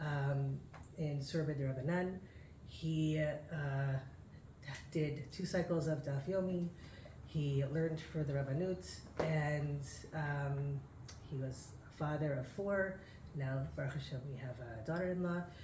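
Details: Adult man with aphasia after a stroke six years earlier that also caused memory loss and loss of use of an arm; has difficulty speaking, reading and writing; reading a prepared text aloud; aphasia after stroke.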